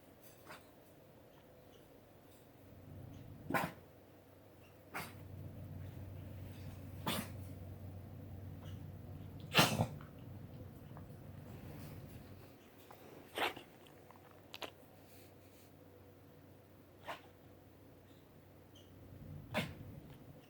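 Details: Dog (Marley) coughing, recorded for the vet: repeated short, sharp cough or sneeze-like bursts spaced a few seconds apart.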